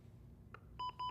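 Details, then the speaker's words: LUCAS mechanical CPR device, training demonstration: two short electronic beeps as the pause button stops compressions for a rhythm check or AED analysis. "During a rhythm check or AED analysis, you'll need to stop compressions. Push the pause button."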